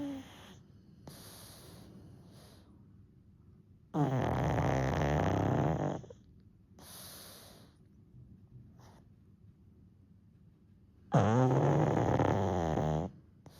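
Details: 1-year-old pug napping, falling back asleep after briefly waking: loud, long rattling snores of about two seconds each with quieter breaths between, flat-faced dog snoring.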